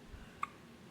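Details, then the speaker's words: The first hiccup of a newborn baby girl in hospital, held close to the microphone: a single soft, squeaky hiccup in a quiet room. "Oh, there's one. Ooh, y'all got her first Did y'all hiccup. hear that?"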